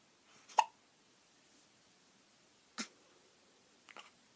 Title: Hiccup's baby